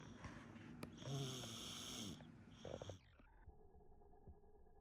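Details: Low, rattling snore on a breath with some whistling, then quieter breathing; a baby snoring.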